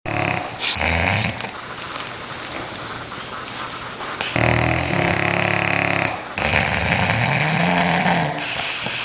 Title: Two snoring bulldogs